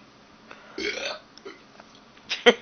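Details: Man's burping: a brief gurgling burp, then a few faint clicks and a short sharp burst at the end. Burping.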